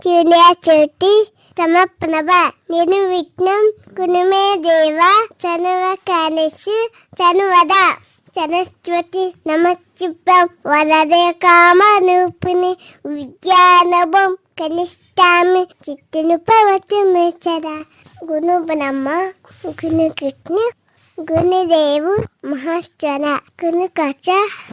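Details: Speech sound errors in a 4-year-old girl with bilateral hearing loss of about 65–70%, first suspected after age 2, who wears hearing aids in both ears. She is heard reciting shlokas after 8 months of speech and listening therapy.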